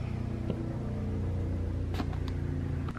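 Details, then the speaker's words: Electric double breast pump running at level seven of sixteen; steady low motor hum with rhythmic pulsing and occasional clicks, higher settings giving longer cycles, lower settings more frequent; moderately loud. "higher you turn it up the longer the sections are the lower it is the more frequent you can hear the sound it does make a noise it's not super super loud though like it's about what you would expect"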